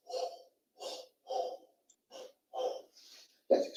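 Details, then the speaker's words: Mouth imitation of a cavitary blowing breath sound, hollow with an 'o' timbre, as heard by stethoscope over a lung cavity surrounded by consolidation, with no vesicular murmur; simulated teaching demonstration. "si mi paciente tuviera una caverna con condensación alrededor yo pongo el estetoscopio respira como cansada ya como hay caverna y condensación no escucho mulo vesicular pero sí voy a escuchar un soplo cavitario que más o menos es como una"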